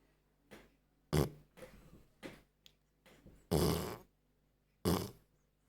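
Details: Irregular rough, snorting breath noises, some loud and drawn out, in a quiet room from a sleeping old Staffordshire terrier; snoring likened to a human's.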